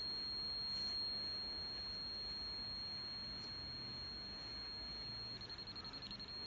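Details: Mini apex locator in use: a steady high electronic tone over faint hiss, turning into fast beeps near the end, signalling file position in the root canal.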